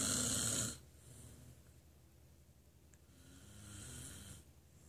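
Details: Loud, rough inhaled snore fading, then a quieter rattling breath building again after a pause: ordinary snoring in an adult.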